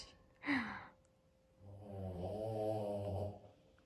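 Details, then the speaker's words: Snoring from the dog of a woman six months pregnant, recorded at night: a brief noisy snort, then a longer low, rattling, buzzing breath in a quiet room. "a esse barulho de ronco é o meu cachorro aí eu estou agora mais tava com a mão na frente"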